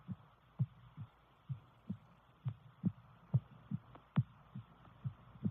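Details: Adult female, visible neck pulse: soft, regular heartbeat at about 68 beats a minute over a low background hum; normal heartbeat.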